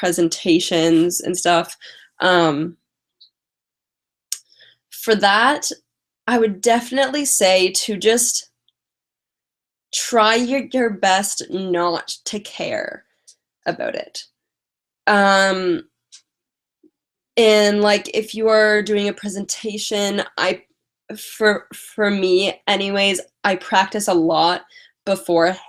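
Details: Adult woman with lifelong stuttering, past speech therapy, mostly blocks, especially on vowel-initial words and on 't' and 'c' words; currently has a cold and is tired; stuttering.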